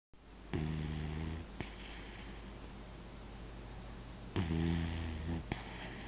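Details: Two loud, low, buzzing snores about four seconds apart, each followed by a short snort, over steady room hum; snoring.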